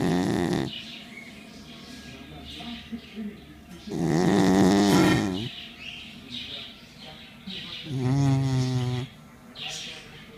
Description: Watch this Pomeranian snore like a human being !